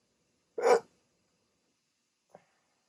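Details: Adult with sleep apnea, just woken from sleep on CPAP treatment, during a rare 16-minute hiccup attack: one short, sharp voiced catch of breath, then a faint second sound about two seconds later; hiccups.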